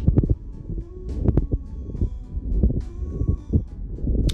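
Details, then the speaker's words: Pleural friction rub as a lung-sound teaching example: low, harsh grating or rubbing bursts with each breath. "And seventh, we have a plural friction rub. This sounds like a grading or rubbing"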